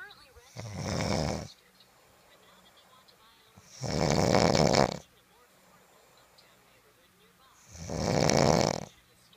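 Three loud, rough, rattling snores about every 3.5 seconds, roughly 16 breaths a minute, with quiet between; typical snoring from vibration in the throat.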